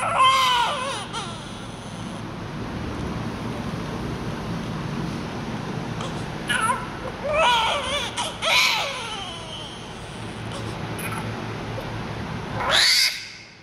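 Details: Loud, high-pitched newborn crying in strong bursts with brief pauses for breath; a vigorous cry, a sign of an active baby.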